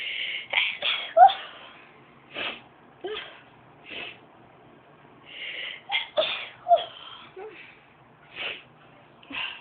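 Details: Deliberately induced sneezing by a young woman tickling inside her nose with a rolled-up object: a series of short, sharp sneezes with quick inhaled catches between them.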